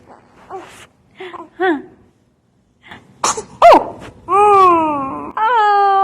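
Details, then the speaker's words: Baby girl sneezing, with the cute noises she makes when she sneezes: soft snuffling, then a sharp sneeze burst followed by high, drawn-out whining sounds; an ordinary sneeze. "got that on recording i got that on recording now everybody can hear silos cute little noises she makes when she sneezes"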